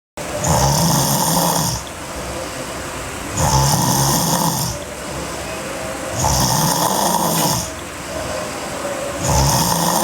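Loud, rough snores on each breath in, about 21 a minute, with quieter breaths out between them; heavy snoring.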